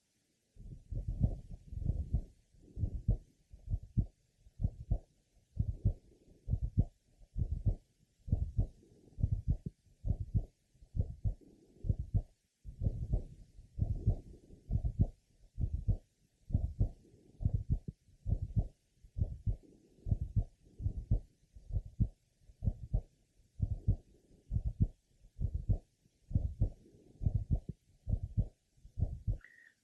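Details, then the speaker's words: Mild stenosis of a congenital bicuspid aortic valve, auscultated over the left carotid: the aortic ejection sound and systolic murmur are transmitted to the neck. "next we will listen over the left kateed the ejection sound and systolic murma are present here also"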